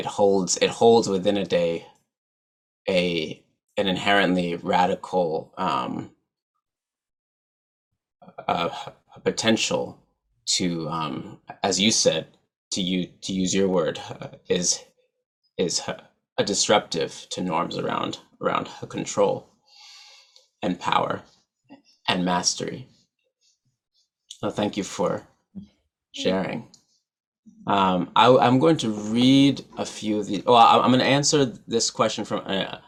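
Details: Adult man who stutters, real, speaking at a stuttering association conference; stuttering.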